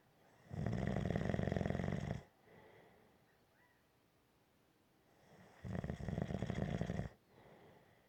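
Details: Gentle snoring: two low, rattling snores on the in-breath, each about one and a half seconds, with quiet out-breaths between them.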